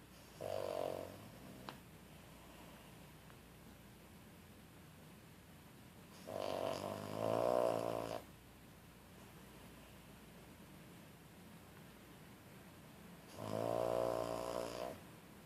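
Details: Pet named Leto knocked out by a quarter of a Tramadol snoring: three rattling, fluttering snores about six seconds apart, roughly 10 breaths a minute, in a quiet room.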